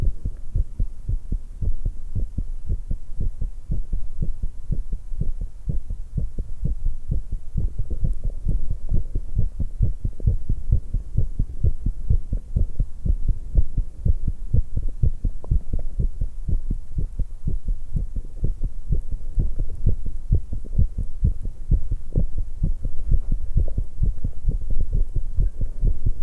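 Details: 19-year-old female's fast, pounding heartbeat with strong low thumps, the quickened rhythm after exercise; recording also includes tea drinking and stomach noises.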